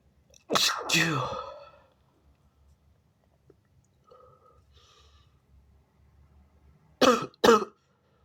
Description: big and wet sneezes, stifles, false starts and noseblows. also a little cough. bless me!